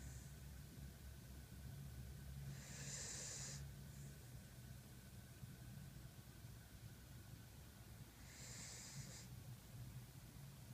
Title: Baby husky puppy snoring